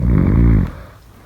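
One loud, deep, rattling snore lasting under a second, then fading; typical adult sleep snoring.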